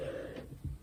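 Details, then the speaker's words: A single sudden loud cough burst after near silence from a 17-year-old with COVID. Symptoms began days earlier with a sore throat, and the teen reports feeling better. "okay very dramatic coughing going on i promise i'm actually fine"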